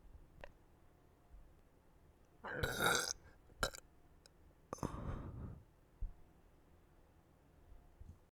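Two long rumbling burps and a short one in between, in a quiet room; ordinary belching.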